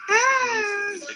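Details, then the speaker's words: A single drawn-out hoarse cry, unusual for the age, from a two-year-old child who cannot speak or stand. The child has a thickened protruding tongue and coarse dry skin. This is a hoarse cry in congenital hypothyroidism. "so even though it's a baby it's a very hoarse cry which would be unusual for someone this age to have a voice that sounded like that"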